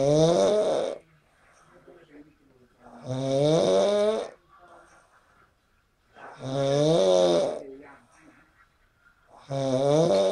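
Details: Man snoring while asleep after a party: loud, rattling, rhythmic snores on each breath in, about 18 a minute, with quiet gaps between.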